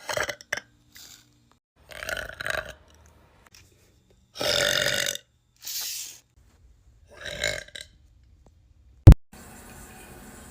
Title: TikTok Girl Burp Compilation